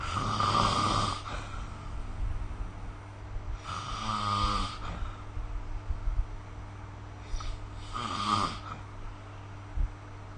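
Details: Sleep snoring recorded with the SnoreLab smartphone app: low, rattling snores on breathing in, three over ten seconds, with a steady room hum. Snoring.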